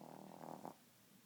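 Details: 3-month-old pet named Nibbler asleep and snoring: a single brief, soft rattling snore from a small animal, then quiet; ordinary snoring.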